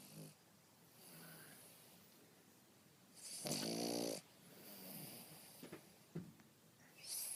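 A small dog's soft, rattling snore on inhaling, with quieter snuffling breaths around it; snoring.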